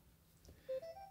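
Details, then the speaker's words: Short rising series of electronic alarm tones: technical alarm from a corpuls3 defibrillator when the ECG electrode for lead II detaches during transcutaneous pacing, pausing stimulation and prompting a switch to fixed mode. "erfolgt ein technischer Alarm und die Abfrage ob wir in den fixmodus wechseln wollen"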